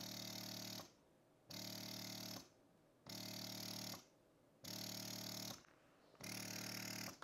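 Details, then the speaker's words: Steady motor hum in long pulls, about 0.8 s each, roughly 44 cycles a minute: a Spectra electric breast pump at its highest suction level, used after the initial stimulation rhythm. "this is the highest level suction and you can hear the longer pulls"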